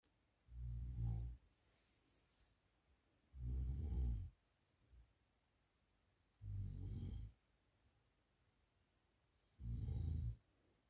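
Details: Adult sleeping deeply at night: four loud, low rattling snores on each in-breath, about 20 a minute, with quiet pauses between; snoring.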